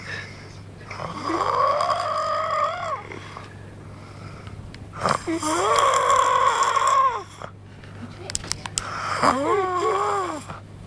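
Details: Snoring: three long, loud snores with a strong tonal, groaning pitch rising and falling, about one every three to four seconds, over a steady low hum.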